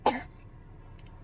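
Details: A single short, harsh, dry-sounding cough burst followed by about a second of quiet room noise: a cough.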